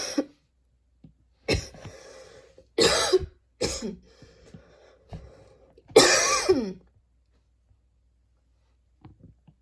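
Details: About six harsh, throaty coughs, spaced unevenly and some ending in a throat clear, in a quiet room; a person coughing while studying, described as a really crazy cough.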